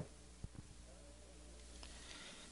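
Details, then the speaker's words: Egophony over consolidated lung, as in pneumonia: the patient's spoken 'E', heard through the chest wall after the healthy side, comes through as a faint, nasal, bleating 'A'. "now you will hear the letter e spoken over the area of consolidation"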